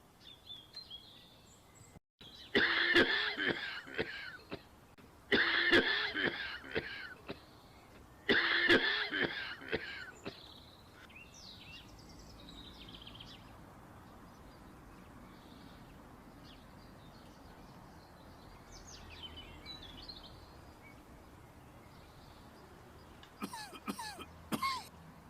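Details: Three loud bouts of coughing outdoors, then quiet outdoor background with bird chirps near the end: cough.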